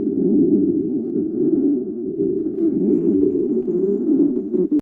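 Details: A continuous low, gurgling, rumbling growl that swells and fades: stomach growling (borborygmi).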